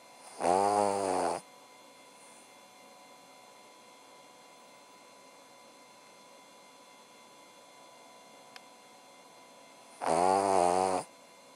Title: Cavalier King Charles Spaniel Abbers Snoring Away!!!